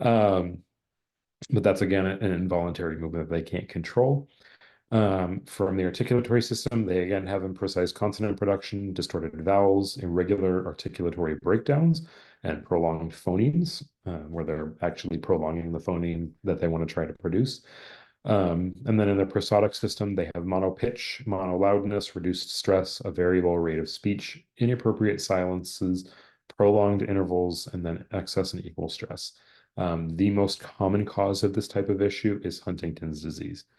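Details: Adult male speaker; normal speech.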